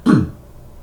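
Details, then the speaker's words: A single short, gruff throat clear from an adult man whose voice is hoarse after repeating a tutorial many times and talking for a long time; throat clearing. "la gorge un peu enrouée parce que ça fait plein plein de fois que je répète ce tuto"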